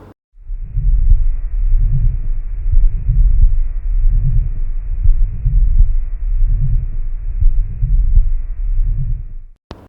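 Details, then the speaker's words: Low, continuous, machine-like blowing rumbling murmur swelling and fading with each beat, about 25 swells a minute: continuous murmur of patent ductus arteriosus, as used in a cardiac murmur review. "इसलिए यह continuously होगा इसलिए भी इस machine like मर है blowing और height इसके साउंड है"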